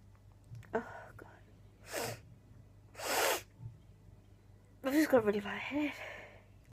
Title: Rapid Sneezing Fit